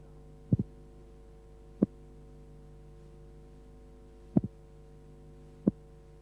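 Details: Simulated heart sounds for transposition of the great arteries (aorta from the right ventricle), played slowed down, ignoring respiration, over a steady hum: split first sound, then a single second sound.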